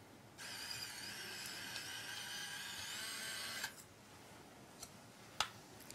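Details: Surgical bone drill during polytrauma primary care surgery; high whining drill runs steadily about three seconds, then stops, followed by a few clicks.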